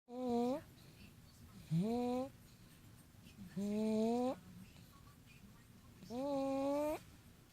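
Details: Snoring sounds; snoring.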